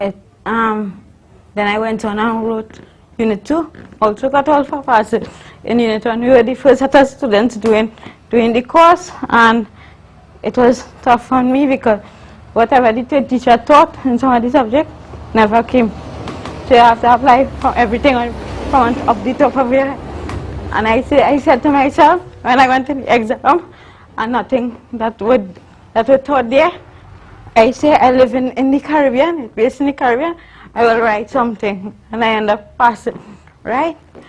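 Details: Adult woman, a university student born with cerebral palsy of the spastic and athetoid type (stiff muscles, uncontrollable movements), with dysarthria associated with cerebral palsy.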